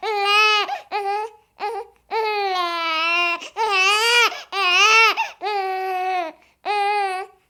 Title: Sound of a Crying Baby for 30 minutes